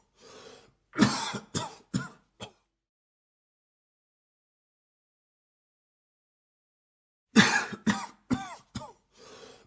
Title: Hombre con Tos Efecto de Sonido - Man Coughing Sound Effect 🔊